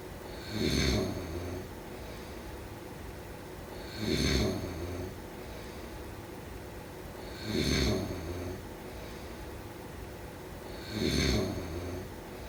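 Four regular snoring breaths, about 17 a minute, each a rough rattle with a hissy edge, over steady room noise.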